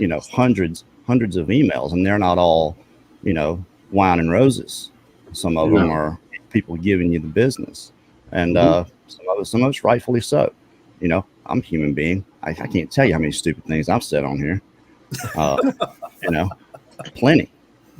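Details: Adult man speaking; normal adult male speech.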